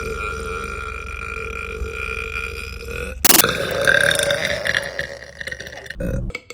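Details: Burping compilation: steady noisy background, then a short sharp burp and a longer rumbling burp.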